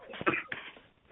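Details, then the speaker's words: Two short, muffled cough bursts in quick succession, heard faintly in the background of a telephone call; the caller remarks someone at home seems ill: cough. "किसी के खांसी की आवाज़ ए रही है कोई घर में बीमार है"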